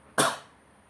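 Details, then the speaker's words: Demonstration of the forced expiration part of a deep breathing and coughing cycle to clear lung mucus, taught for surgical patients: a single sharp, deliberate cough that fades quickly; voluntary cough. "this exercise helps to clear up mucus from your lungs there are two things that we need to know before i explain this exercise number one is puffing which is and number two is coughing"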